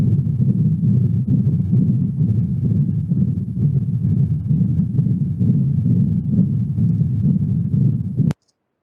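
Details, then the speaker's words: Continuous, washing-machine-like murmur of patent ductus arteriosus, the most common congenital heart disease, typical in young animals with enlarged hearts: a steady low churning whoosh with no separate heart sounds. "so it's like washing machine correct so then we differentiate back what is the systolic number words looks like okay so can differentiate and you're able to differentiate so continuous now okay"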